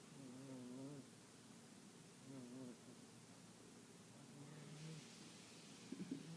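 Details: A female snoring in a quiet room: soft, wavering, tonal snores roughly every two seconds with a faint purr-like quality; the owner jokes she needs a CPAP. Snoring.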